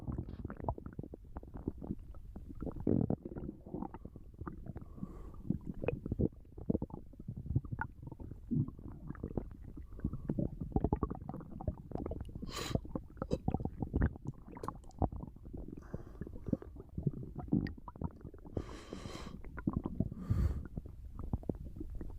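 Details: Sleeping person napping, with snoring alongside continuous low gurgling and rumbling from the belly: ordinary digestive bowel sounds, borborygmi (stomach rumbling).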